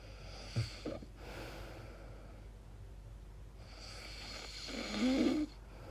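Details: Person recording their own sleep noises, wondering whether it is snoring or sleep apnea: noisy breaths with a snort at the start and a fluttering snore near the end; irregular snoring sounds.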